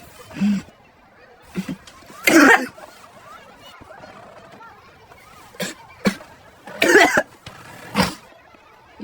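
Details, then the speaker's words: Acted school-assembly skit: about six or seven sharp, forceful coughs in bursts, with two especially loud explosive fits, separated by quiet room noise; cough. "Oh, sorry. I have to go. I can't be in assembly with this cough."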